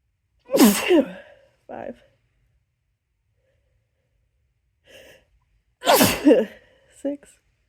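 Two sharp, explosive sneezes, each with a sudden indrawn breath before it and a short vocal sound after it.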